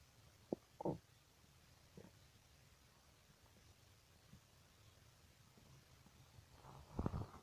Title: Strange stomach noises